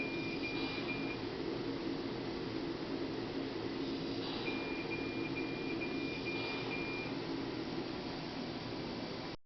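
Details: Neonatal mechanical ventilator in SIPPV mode, which supports every breath attempt by the baby, even very weak or exhausted efforts, giving maximum support: steady machine hum with soft cyclic whooshes and intermittent tonal beeps.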